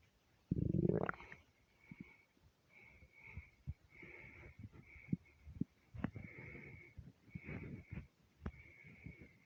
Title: starving stomach rumbles